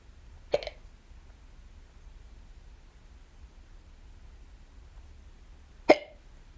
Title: I got the hiccups UwU